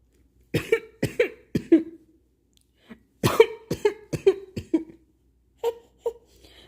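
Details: Repeated short, sharp cough bursts in three quick runs, each with a brief voiced tail, as a baby reacts to the cough.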